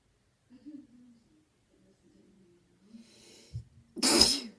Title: standing head sneeze